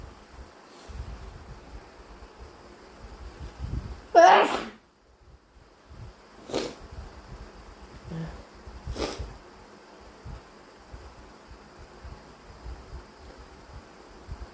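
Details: Sneezes induced with chhinkni sneezing powder and a tissue: one loud, wet sneeze followed by a few softer sneeze-like bursts in a quiet room.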